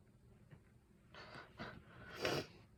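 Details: Someone with a suspected allergy to something in one room of their house: a few quick breathy intakes building to a sharp, loud single sneeze; allergic sneezing.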